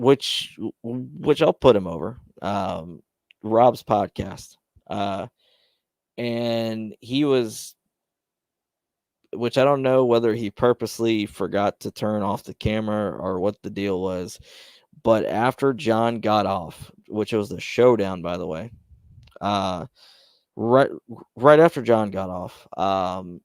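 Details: Male speaker who describes having his own stutter, speaking on a live stream; stuttering.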